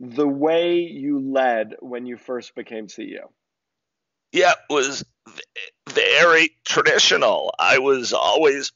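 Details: Adult man diagnosed in 2012 with spasmodic dysphonia, a rare neurological speaking disorder causing partial voice loss and difficult communication, still partly audible: spasmodic dysphonia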